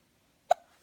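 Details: A single sharp, abrupt gulping hiccup in a quiet room.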